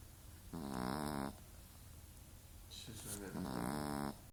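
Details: Tiny, very mixed-breed female foster dog asleep: two drawn-out, rumbling, almost voiced snores with a quiet gap between; she slept 17 hours, snoring throughout.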